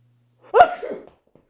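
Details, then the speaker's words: A single short sneeze by a girlfriend in a staged comedy sketch, in a quiet setting. "my girlfriend sneezes you say bless you she says thank you"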